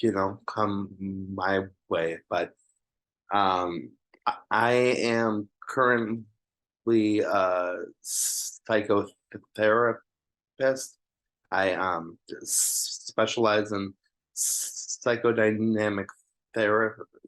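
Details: Adult man who stutters, a psychotherapist, introducing himself on a panel of people who stutter; stuttering.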